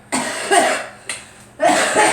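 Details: Adult coughing, attributed to allergies and drywall dust during drywall work; three or four harsh, loud coughs in quick succession in a small room.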